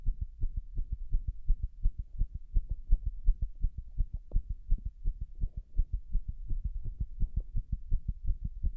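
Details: Heart sounds after six minutes of wall-standing pressure, said to cause arrhythmia: rapid, closely spaced low thumps with slightly uneven gaps between beats, consistent with an irregular heartbeat.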